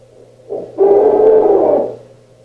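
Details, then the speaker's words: Snoring sound from a snoring lecture, showing variation in the snore's tone; spectral analysis showed heavy low-frequency sound early and strong power around 400 Hz. "okay and so that's a um a snore and you could hear the variation in the tone of the Snore"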